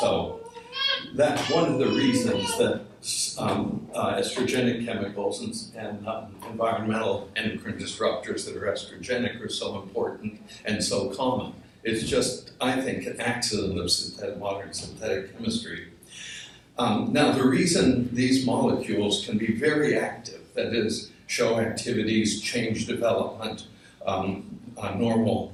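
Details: Adult man with essential tremor; voice wavers; voice tremor (essential tremor).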